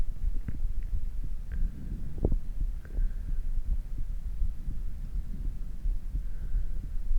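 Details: Normal heart sounds after exercise, gradually returning to a normal beat: steady low thumps over background hum, settling back toward a normal rhythm.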